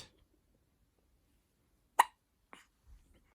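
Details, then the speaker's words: Sudden sharp hiccup then a softer second one in a quiet room; infant (baby) hiccups, being offered milk to stop them. "Yeah, but look at your mouth. Are you going to stop the hiccup or not?"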